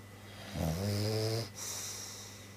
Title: Bulldog Lovers Cute British Bulldog Snoring